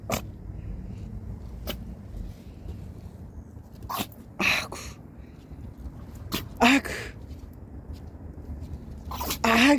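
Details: Pomeranian puppy on an outdoor walk sneezing repeatedly: several short, sharp nasal bursts against low street noise.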